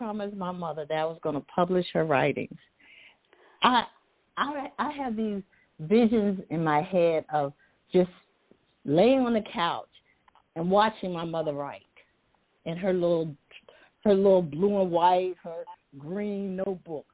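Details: Adult woman who says she stutters sometimes, with part-word and word repetitions; stuttering.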